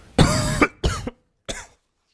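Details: Adult coughing hard after screaming at a party, throat sore, feeling sick, around midnight while gaming: three harsh, forceful cough bursts, the first longest, trailing off.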